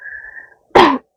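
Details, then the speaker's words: Simulated ASMR roleplay of a girlfriend with a weak throat since childhood who coughs whenever she speaks: a faint tone, then a single short, harsh cough. "신발 말할 때마다 기침한다고 막히는 말할 때마다 기침하고 있어요 나도 말할 때만큼은 기침 안 하고 싶은데 나도 모르게 나오는 거라서 어쩔 수가 없네"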